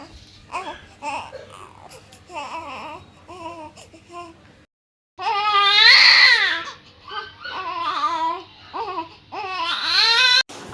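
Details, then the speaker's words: 18-day-old newborn boy, who had hospital jaundice after birth and rarely cries, crying in high, wavering bursts, softer fussing first, then loud wails with brief pauses. "আসলে বাচ্চার এই কান্নাই তো ওদের কথা বলার একমাত্র ভাষা।"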